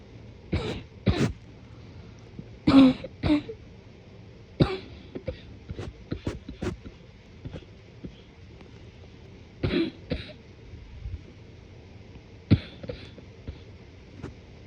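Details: Morning cough, deliberately suppressed: repeated muffled coughs and throat clearing in quiet room, congested and wet; productive cough.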